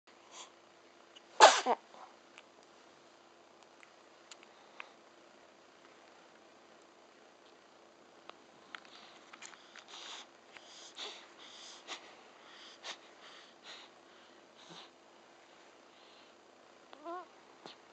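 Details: One-month-old baby: one sharp infant sneeze, then soft sniffs, breathing noises and small fussing sounds; a normal newborn sneeze.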